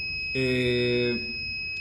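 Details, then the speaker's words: Brief steady electronic alarm tone over a constant high whine: low respiratory rate alarm on a BIOROHM VitalSave Graphics T1 transport ventilator in neonatal CPAP mode, no spontaneous breaths detected, during a training demonstration. "La alarma de baja frecuencia porque no detecta ninguna respiración espontánea en el paciente."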